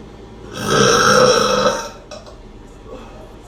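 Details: Female voluntary burping: one long, loud, rumbling belch lasting over a second, then quiet room noise.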